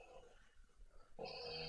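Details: Quiet room noise, then a sudden loud, rough, rattling breath sound starts near the end and holds: onset of a heavy snore from a sleeper whose nose was badly blocked that night without nasal spray.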